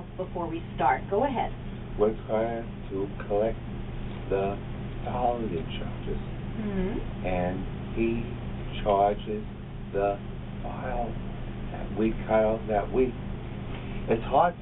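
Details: Adult outpatient in speech-language therapy for fluent aphasia of neurological origin such as stroke or traumatic brain injury; fluent aphasia.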